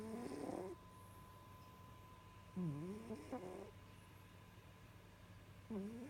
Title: Puma snoring... Again